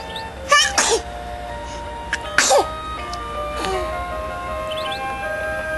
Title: Sneeze Attack